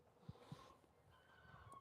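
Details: Two short, sharp nasal snorts, then quiet breathing and faint room noise, from a barrel racing quarter horse mare during a chiropractic neck adjustment near C5–C6, holding her head high in a guarded position: snorting.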